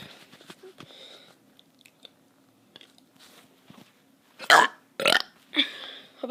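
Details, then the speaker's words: A kid's burps: quieter mouth and chewing noises, then three loud, rough belches near the end; ordinary burping. "hey guys i'm be doing some burps"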